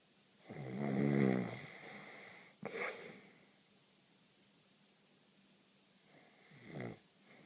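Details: A loud rattling snore on breathing in, a shorter snort, then quiet breathing and another softer snore during sleep.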